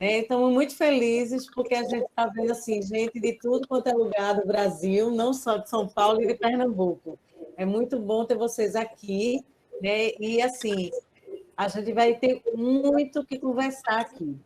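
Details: Adult woman; Normal speech.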